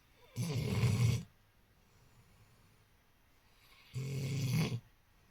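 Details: Awake, not sleeping, making deliberate snoring sounds as he often does: two rattling snore sounds on the in-breath separated by quiet; snoring.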